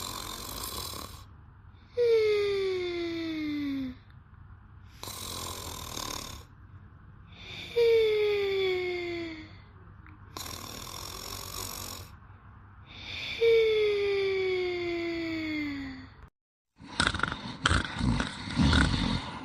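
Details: Two people asleep and snoring: loud, tonal, falling snores alternate with rougher, breathy snores from the second sleeper about every three seconds, ending in handling noise.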